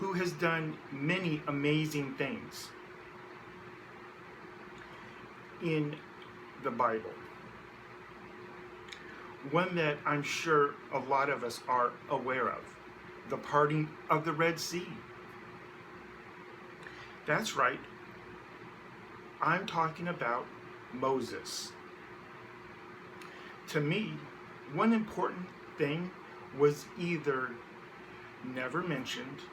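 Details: Adult man who identifies as a person who stutters, with a son who also stutters; stuttering.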